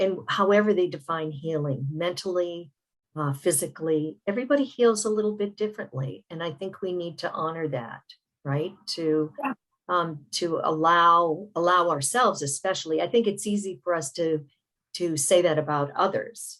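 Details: Adult speaker; typical speech.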